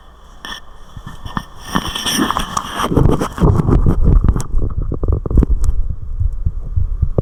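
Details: The recordist's own heart at rest: rustling handling noise, then muffled low heartbeat thumps at an uneven pace; normal resting heart sounds.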